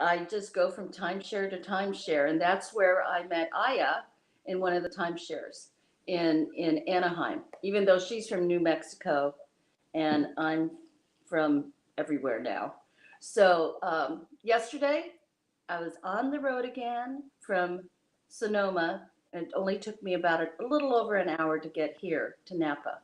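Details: Adult speaker; ordinary conversational speech.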